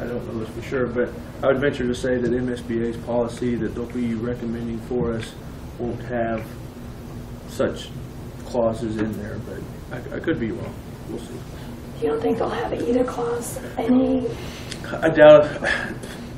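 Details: Adult men talking in a meeting room; ordinary conversational speech.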